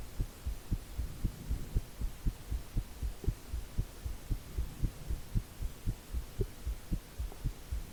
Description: Visible neck pulse with heartbeat sound.